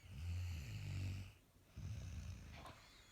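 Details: Person snoring again: a deep, low, rumbling snore on a long breath, then a pause and a second rumbling breath; ordinary loud snoring.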